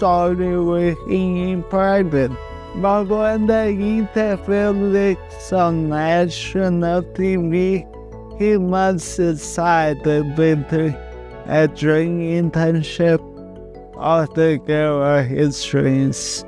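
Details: Man with cerebral palsy speaking; no speech disorder is named; dysarthric speech in cerebral palsy.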